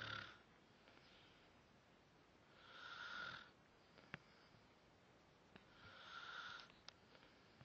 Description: went on my phone to find a video of someone snoring?! but have no idea who it is...hmm? odd?o.O xD